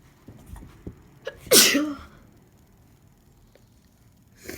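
A single sharp sneeze after a few small breaths, then quiet room noise.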